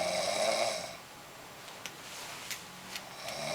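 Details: Snoring recording: a rough, rattling snore in the first second fades into quiet room noise with a few faint clicks.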